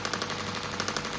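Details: Self-applied radial shockwave therapy, week 1, to the shoulder of a perimenopausal woman with an old childhood humeral head injury, moved over the soft tissue: rapid, even clicking at about twelve pulses a second.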